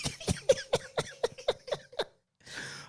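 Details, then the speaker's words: An adult podcast host coughing from pollen in the nose: a rapid run of about eight short, throaty cough bursts, then a brief breath. "I'm still going to be coughing. I got pollen in my nose."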